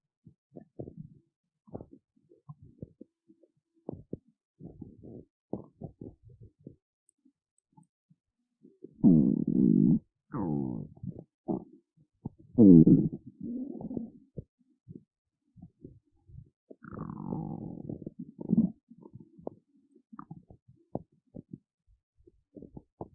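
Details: Gurgling, bubbling rumbles from an adult woman's hungry, empty, hollow belly; ordinary hunger borborygmi (stomach rumbling).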